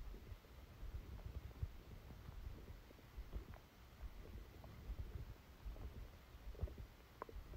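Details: Stomachache after Christmas dinner, recorded while sleeping: soft, continuous low gurgling and rumbling with scattered small pops; active bowel sounds of a stomach rumbling.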